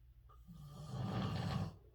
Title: divorce snoring